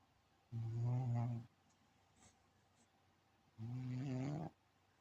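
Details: Sleeping cat snoring: two deep, buzzing snores about three seconds apart with quiet pauses between.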